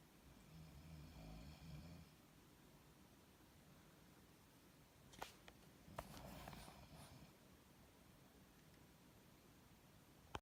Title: Setting her last night play my PS4 next thing I know my friend is snoring up a storm